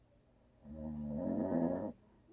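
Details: One loud, rough, buzzing snore lasting over a second, then quiet, from a husband who habitually snores; audio only.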